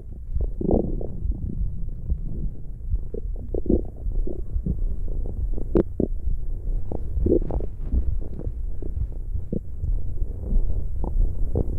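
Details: Irregular low gurgles and rumbles with scattered pops from gas and fluid moving through the gut: stomach growling (borborygmi) recorded for ASMR.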